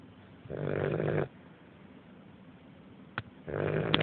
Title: Ali snoring - 7 weekly Fila Brasileiro Puppy :)